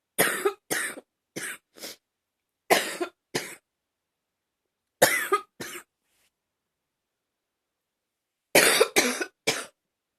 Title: #38 simply coughing